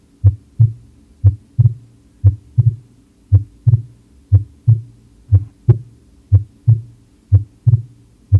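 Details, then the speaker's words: Demonstration of heart sounds S1 and S2: regular paired lub-dub at about 60 beats a minute over a faint steady hum. "Bueno, acá les voy a mostrar este los ruidos y los cardíacos."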